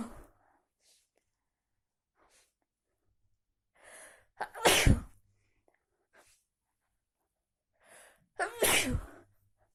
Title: Sneezes after snow and cold day